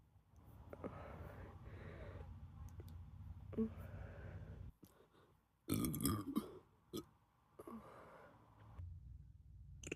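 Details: Man burping so hard he is possibly near vomiting: several loud, drawn-out burps with throaty rumbling and short pauses, heard indoors.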